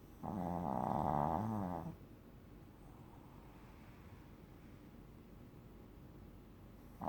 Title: Snoring Shipoo